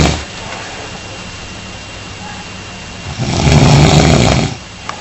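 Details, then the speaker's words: One long, loud, low rattling in-breath over steady room noise from an adult man who denies snoring; sound effects possibly added; snoring. "okay this is my husband he says he doesn't snore not snoring let's go have a look"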